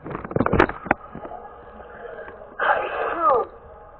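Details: Sneeze from a person who is sick: a quick intake then a sharp burst of breath, followed later by a drawn-out vocal sound.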